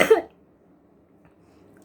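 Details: Adult sick with a cold caught from a contact, with sore throat and cough, worried it could become pneumonia: a single short, harsh cough, then quiet room noise; cough with a viral respiratory illness.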